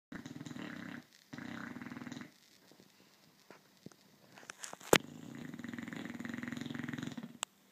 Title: Peaches Snoring